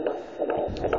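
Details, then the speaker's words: Quick whooshing fetal heartbeat, about 140 a minute, through a humming home Doppler placed on the pregnant mother's abdomen; baby's sex not yet known. "that's the baby's heartbeat so i have a doppler that you put on your stomach"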